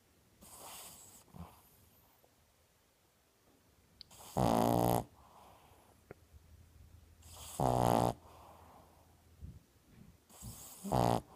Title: Snoring... 2/28/15